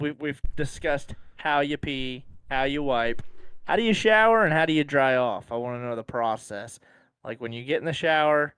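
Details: Adult speaker; normal voice.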